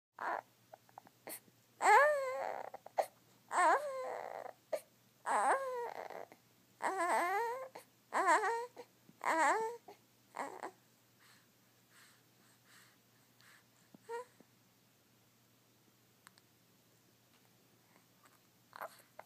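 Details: Infant crying in his sleep, also sneezing: a run of short wailing cries, then settling into quiet.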